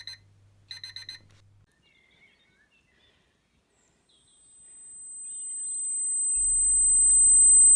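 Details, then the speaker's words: Simulated tinnitus in a report on rising hearing loss and tinnitus in young people aged 12–35, blamed on smartphones and headphones: a few alarm-like beeps, then a thin high-pitched ringing that swells louder over a low hum, a noise heard when no sound is present. "it sounds different to everyone but there's always a noise in your ear when there's no actual sound"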